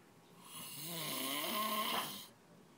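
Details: Father snoring super loud while asleep: one loud, harsh, rasping breath lasting about two seconds, rising then fading; a single snore.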